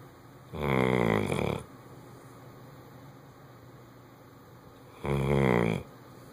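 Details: Bloodhound asleep: two loud, rattling, fluttering snoring breaths separated by a long quiet pause; loud heavy snoring.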